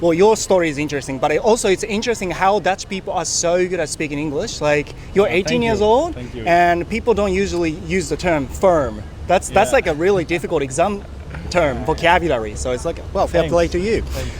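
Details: Adult speaker, outdoors; ordinary speech.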